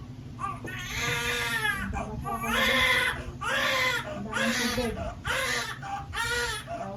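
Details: Newborn just after a normal vaginal delivery: loud, repeated wails about once a second, with short breaths between them and room noise behind; a vigorous cry after birth.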